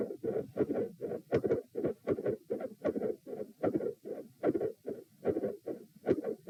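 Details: Heart sounds recorded at position p, lying down, during manoeuvres to provoke murmurs: about 76/min with loud, split S1 and S2 and a soft whooshing midsystolic murmur between them.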